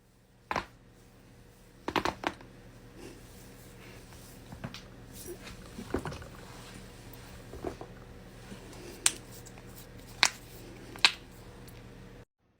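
Several sharp, isolated pops and clicks in a quiet room, typical of joints cracking.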